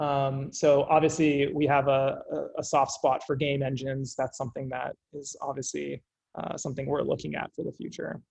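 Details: Adult male speaker; no disorder.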